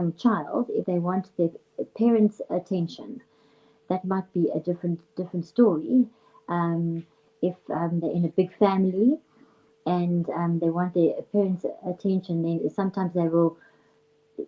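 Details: Adult woman, a speech and language therapist who stutters herself, with stuttering hereditary on her father's side; stuttering.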